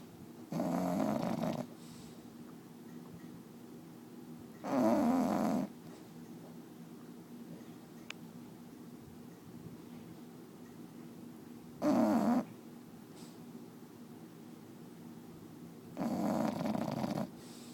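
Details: Loud, coarse snorting snores, four in about 18 seconds at uneven intervals, from Cookie, a sleeping bulldog; snoring.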